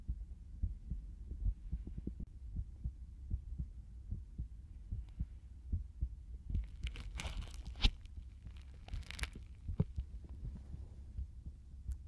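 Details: Soft low heart thumps through a stethoscope in an ASMR stethoscope experiment, partly masked by crinkling and rubbing noise; an ordinary heartbeat.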